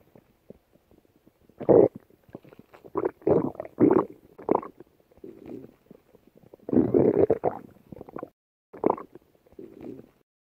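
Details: Woman's stomach: loud gurgling, rumbling bursts in irregular runs over ten seconds; ordinary stomach growling from gas and fluid moving through the gut.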